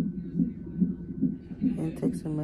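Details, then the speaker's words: Woman 34 weeks pregnant in labor and delivery triage with severe pain and pressure, possibly Braxton Hicks. A good, strong fetal heartbeat on the monitor: rhythmic whooshing pulses about 145 a minute, with brief talk at the end. "um 37 is like the term so let's see what she says but she has a very good strong"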